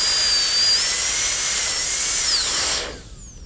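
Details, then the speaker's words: Dental high-speed handpiece with diamond bur making depth cuts on a maxillary canine for a porcelain-fused-to-metal crown preparation, cervical cut about 1.25 mm deep; loud high-pitched whine shifting in pitch under load, then spinning down. "this will give us then a cervical cut roughly a millimeter and a qu in depth the next cut will be made along the labial surface"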